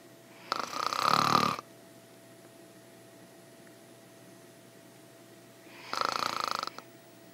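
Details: Woman snoring during sleep: two loud, rough inspiratory snores separated by a long quiet gap, in a quiet room.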